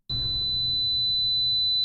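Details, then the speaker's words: Simulated tinnitus: a steady high-pitched 4 kHz pure tone, representing tinnitus from noise-induced hearing loss, e.g. from heavy earphone use; tinnitus simulation (high-pitched tone, 4 kHz). "소리는 많이 익숙하시죠 이거는 이제 4km가 떨어졌을 때 소음성 난청인 경우가 있거든요 그래서 요즘에 이어폰을 많이 들으시는데 그것 때문에 청각이 손상이 되게 되면 요것 때문에 이명 이런 주파수 명이 많이 생기실 수 있으세요"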